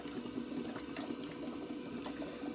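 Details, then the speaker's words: Bubble CPAP on an infant simulator, testing interface effects: steady soft bubbling of the water chamber from tubing resistance; reading 5.3 before connection, dropping to about 3.5 cmH2O with reduced vibration at 80% cannula occlusion. "it's starting to bubble so there is some resistance within that tubing that is causing it to bubble"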